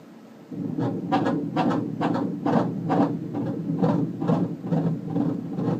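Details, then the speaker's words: Fetal heartbeat heard during a sonogram: rapid, rhythmic galloping whooshing thumps at 136 beats per minute, described as a great, normal fetal heart rate. "Beautiful. There's the horse. There's the gallop. That's perfect. That's what it sounds like."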